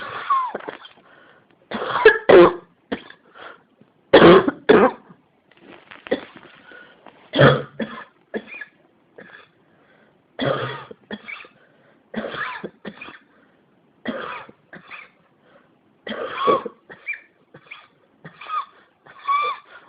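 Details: Persistent cough that won't stop: repeated bouts of short, harsh coughs, about ten clusters over twenty seconds, in a quiet room.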